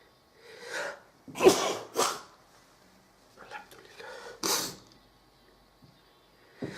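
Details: Several forceful sneezes, about three, each an explosive burst of air, some preceded by a brief inhaled build-up; a funny sneeze.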